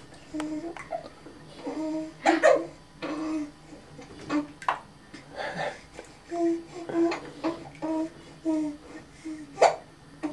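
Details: Young child with hiccups in the bath: repeated short, sharp catches of breath between babbling and chatter in a small echoey room.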